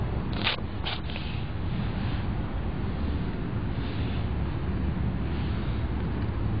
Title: Cute Brown Kitten Has a Cough 咳が出る茶トラ白小猫